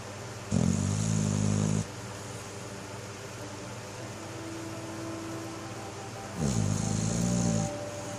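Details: A dog snoring: two loud, low, rattling snores about six seconds apart, with quieter breathing between them.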